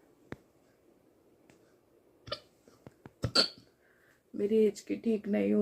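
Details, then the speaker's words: Woman awake at 4 a.m., unable to sleep because of hiccups: several short, sharp gulping catches at irregular intervals in a quiet room, then whispered talk. "सुबह के बज गए नींद नहीं ए रही है और हिचकी ने तो मेरा जीना हरम कर दिया नींद हरम कर दी है"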